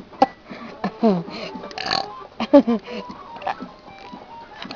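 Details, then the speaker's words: Person burping repeatedly after a beef stroganoff dinner and a Buzz Cola, bringing up some food: several loud, croaky belches with brief voiced sounds between, over faint background music from a video game. "Oh, I burped up some stuff. What's that beef stroking off? Oh my god, that was nasty."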